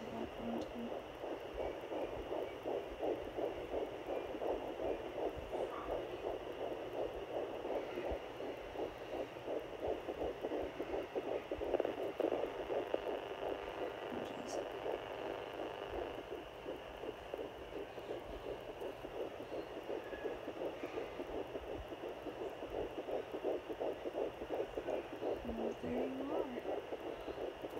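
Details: Fetal heartbeat on home fetal Doppler at 10 weeks 4 days pregnant, found just below the belly button: rapid, regular galloping whoosh about 165 beats a minute, described as sounding very healthy.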